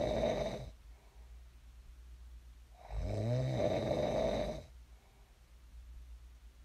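Loud, rough, vibrating breaths in sleep, with quiet gaps between; typical snoring from vibration of the upper airway.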